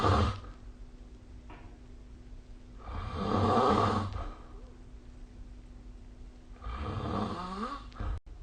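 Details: Snoring during sleep recorded with the SnoreLab app: loud, rough snores on breathing in, about 17 a minute, with quiet pauses between them.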